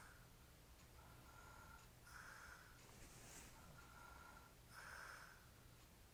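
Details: Sleeper with a hairy chest, described as drunk, snoring quietly and steadily with breaths about every 2.5 seconds, roughly 24 a minute, over faint room hum.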